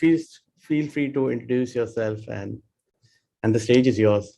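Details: Adult man; normal voice.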